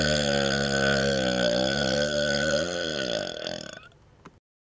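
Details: Deliberate burping while rubbing the belly, patting the head and moving the tongue outside the mouth: one long, loud, sustained voiced burp of about four seconds, wavering toward the end before fading.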